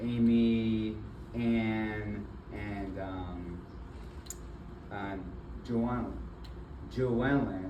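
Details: Adult man with aphasia and apraxia of speech after a stroke in February 2024, with several further strokes. He was initially nonverbal, with right arm and leg impairment, and is still in speech therapy. Finding: aphasia with apraxia of speech.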